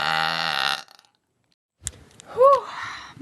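One loud, drawn-out burp with a rising and falling tone, after a burst of music and a pause. Ordinary belching, done as a contest.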